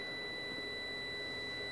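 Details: Steady high electronic laser firing tone as the laser is slowly pulled back during endovenous laser ablation (EVLT) of the great saphenous vein.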